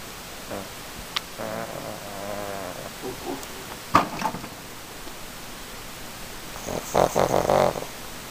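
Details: Pug snoring while asleep: soft, irregular snorting and wheezy nasal breaths.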